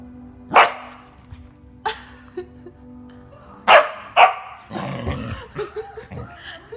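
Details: Husky sneezing: four short, sharp, explosive bursts of air over a steady low hum, followed by softer vocal sounds.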